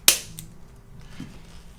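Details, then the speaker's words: Single sharp click from a chiropractic spring-loaded adjusting instrument on its lightest setting, applied to a jaw joint stuck on one side while the patient holds the jaw slightly open, in a quiet room. "we're going to use this today it's going to feel light just a little click like that okay it's on the lightest setting"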